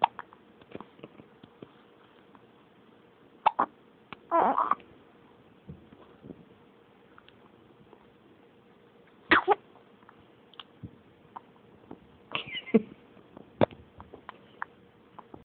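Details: Infant has hiccups: brief, abrupt, irregularly spaced catches of breath over a steady low room hum.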